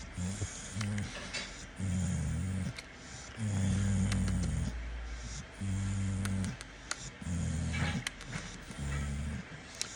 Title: Pitbull snores while awake. #cutedog #pitbull #funny #cute